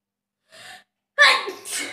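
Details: A short in-breath, then one forceful explosive sneeze with a trailing hiss, self-induced during a sneezing challenge; sneeze.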